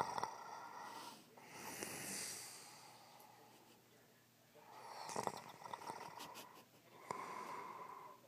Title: Snore bitch snore